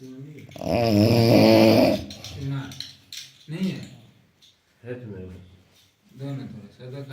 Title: one of my staff.. who's snoring is ultimate 😂😂